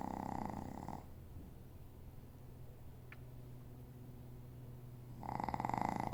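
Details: Two buzzing, fluttering snores about four seconds apart with quiet breathing between; snoring.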